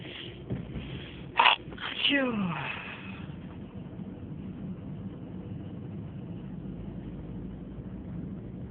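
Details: Sneezing during a six-minute run of more than 30 sneezes: a single sharp sneeze with a sniff before it, then steady background hum.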